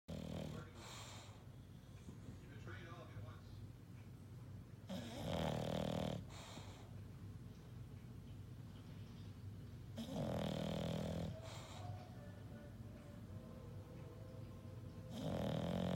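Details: Sleeping English Bulldog: loud, low, rattling snores with each breath in, about every five seconds, roughly 12 breaths a minute; steady, peaceful snoring.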